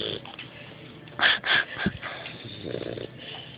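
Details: Male pit bull puppy, deeply asleep, snoring very loudly: rough, snorting breath sounds with a faint voice in the background.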